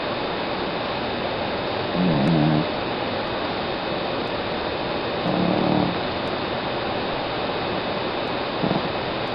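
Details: Snoring of a sleeping female cat, about 13 years old: faint rumbling snores, two clear ones about four seconds apart, over steady hiss.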